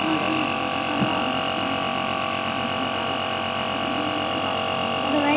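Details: Small child receiving nebulizer treatment for cold and cough: steady mechanical hum and hiss of the running nebulizer, with faint voices in the room.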